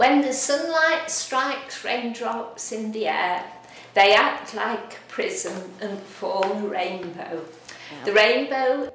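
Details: Adult woman with laryngeal dystonia (spasmodic dysphonia), type not stated, reading the Rainbow Passage in a recording played by a speech and language therapist; laryngeal dystonia (spasmodic dysphonia).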